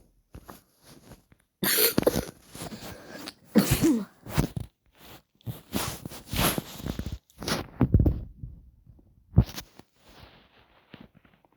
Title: First vid sorry had a cough